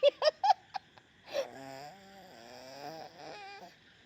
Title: She is just a one year old girl and she is acting out how her father snores while sleeping.🤣#shortsv